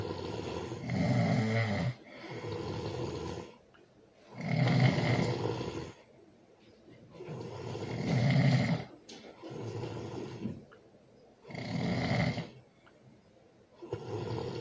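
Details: Loud snoring during sleep, recorded with a baby present: rough, rattling snores in steady cycles, about 18 breaths per minute, with softer sounds between them.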